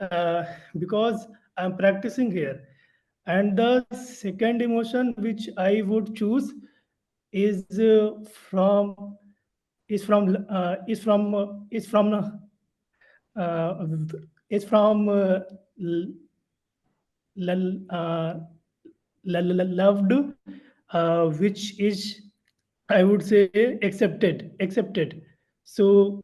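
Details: Stuttering in a male member of a stammering association who attends its meetings to practise speaking.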